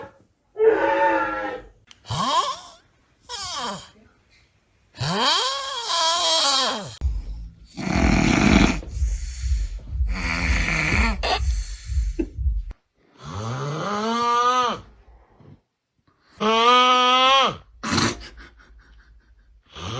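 Loud sleep snoring, with rattling snorts and whistling, moaning tones that rise and fall with each breath.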